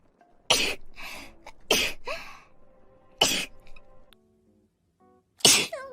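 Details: Sneeze compilation of streamers: four sharp, explosive bursts with faint music behind them; sneezing.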